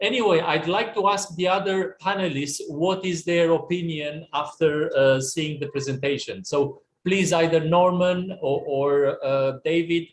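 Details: Adult male speaker; Normal speech.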